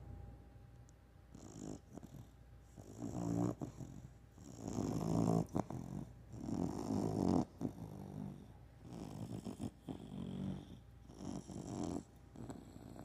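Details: Dog that snores a lot, snoring while sleeping: repeated rumbling snores, about five breaths over thirteen seconds, each with a fluttering rattle.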